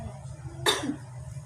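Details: Nursing student demonstrating effective cough technique on a seated patient who first drinks water: a single forceful controlled cough in a quiet room.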